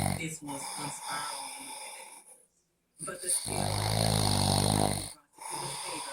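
Loud, rough snoring breaths with a brief silent gap, recorded alongside other room sounds.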